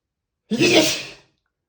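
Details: Male, one loud open unstifled sneeze with sharp onset and hissing spray of air fading out; spray sneeze.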